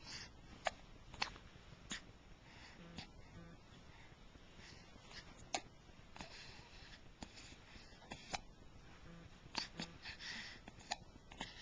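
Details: Repeated brief, sharp, quiet gulping clicks at irregular intervals in a hushed room; a bout of hiccups.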